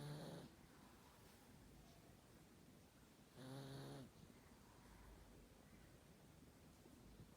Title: Cute Pug 💤 Sleeping and Snoring 😴